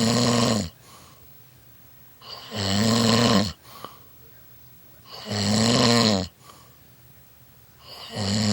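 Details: Person snoring through a long night: loud, rattling snores about every three seconds, roughly 22 breaths a minute, each followed by softer breathing out.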